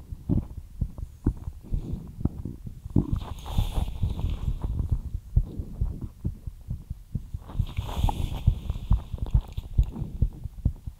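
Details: Rapid, regular low thumping heartbeat after light exercise, with soft breathing noises in between; fast heartbeat after exercise, an expected normal response.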